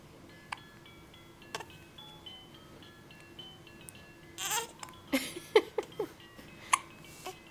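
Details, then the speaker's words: Several brief, irregular catching hiccup sounds from an infant girl, with soft fussing and background music; her hiccups frustrate her and she starts to cry afterward. "Alright, here we go. Here's some hiccups. They kind of frustrate me."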